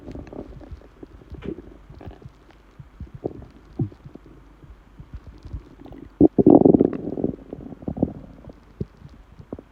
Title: Empty stomach noises